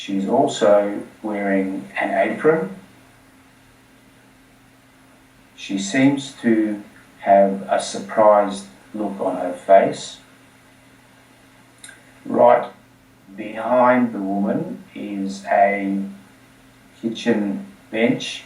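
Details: Stuttering in an adult who stutters.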